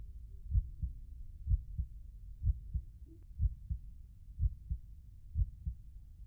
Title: the sound of a heartbeat konti